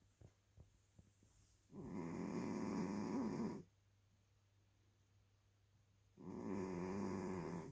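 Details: Snoring: two long, rough, rumbling snores on the in-breath, about four seconds apart, in a quiet room.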